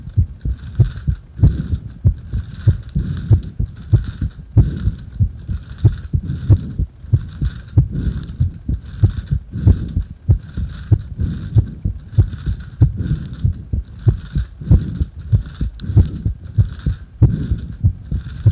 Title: 袋呼吸中の心臓音